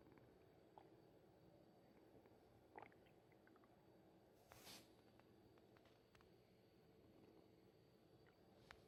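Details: Stomach noise (bowel sounds): quiet, scattered gurgles and soft squelching pops from an abdomen over a steady low background hiss.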